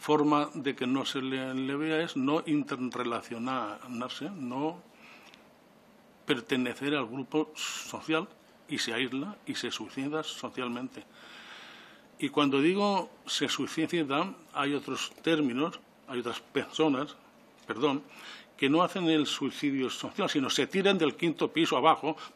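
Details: Adult man who stutters (real, self-reported), speaking before a parliamentary commission; stuttering.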